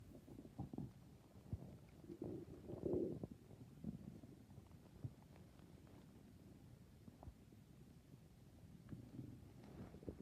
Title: 🤤nighttime stomach growls🤤